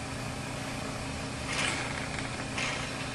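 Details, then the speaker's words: A portable suction machine hums steadily, with two brief hissing surges as the catheter tip is tested in normal saline by thumb-covering its port, before suctioning a patient's tracheostomy. "I will test that my suction is working by putting the tip of my suction catheter in my normal saline. With the thumb of my non-dominant hand, I will cover the opening of the suction catheter, and that is what applies the suction."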